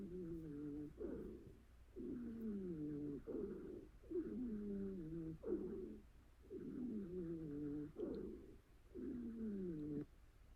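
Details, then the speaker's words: Patient with asthma: repeated musical, falling-pitch whistling tones with each breath, about 28 a minute, mostly on expiration; polyphonic expiratory wheeze. "this is visus which is the most important physical examination finding in patient with uh asthma and a lot of uh patient with Asma they know it and they can provide you this history um so it's mostly expiratory"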